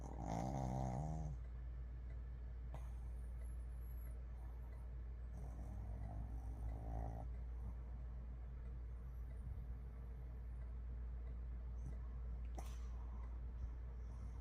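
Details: Sleeping Shih Tzu dog during rain: two brief, soft, buzzy snores over steady rain noise; snoring.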